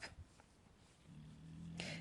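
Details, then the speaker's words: Dog snoring faintly in the background while someone explains a crochet stitch aloud; the snoring may be hard to hear. "Je ne sais pas si vous allez entendre le ronflement de mon chien, mais en tout cas, je vous préviens au cas où."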